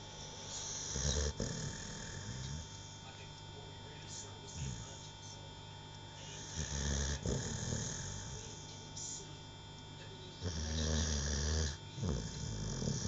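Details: Dog asleep on the owner's lap: deep rumbling snores, about 14 breaths a minute, over a steady electrical hum; dog snoring.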